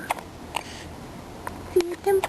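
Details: Several brief, sharp catches of breath from a 5-week-old baby among soft voices talking to her: hiccups.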